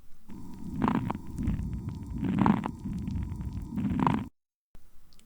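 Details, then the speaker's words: Breath sounds recorded through a stethoscope on the chest with faint, brief popping sounds mixed in: intermittent crackles, an abnormal lung sound. "ツプツと聞こえるのは断続性ラ音と呼ばれる異常音の一種です。とても小さい音なので、上手に聴診器を使って静かに聞かなくてはなりません。"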